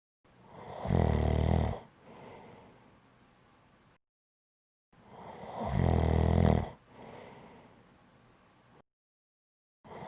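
Deep, rumbling inhaled snores, each followed by a softer breath out, repeating about every five seconds, near 12 breaths a minute; loud snoring.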